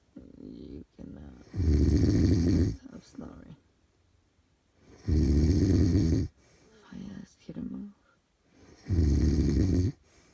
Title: Snoring husband